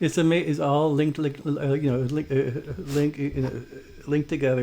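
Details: Adult man who stutters, saying it escalates when he wants to be fluent; audible word repetitions; stuttering.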